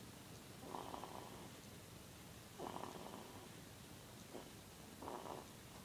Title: at 2 weeks old snoring its soo funny and so cute!